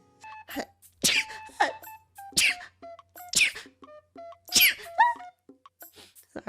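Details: A run of about four sharp, explosive sneezes with short gaps, over soft game music; repeated sneezing in a person unsure if it is from weather or allergies.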